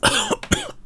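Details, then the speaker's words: An adult who says they are still ill coughs while narrating, then apologises. "my voice, I'm still ill."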